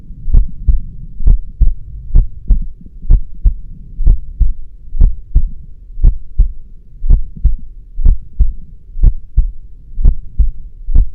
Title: The Most Realistic Heartbeat Sound You’ll Ever Hear 💓 |HEADPHONES ON 🎧